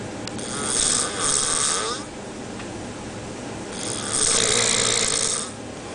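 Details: Snoring from a sailor asleep aboard a vessel in the middle of the ocean.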